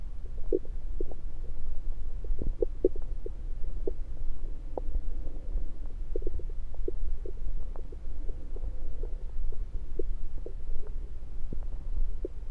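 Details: Bowel sounds heard through a stethoscope placed around the belly, recorded mainly to show stethoscope placement: low gurgles with scattered short clicks and bubbling over a steady low hum; ordinary bowel sounds.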